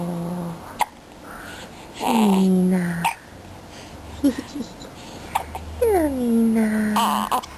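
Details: 5-week-old baby girl with hiccups: short, sharp catches recur about every two seconds between soft voiced cooing sounds.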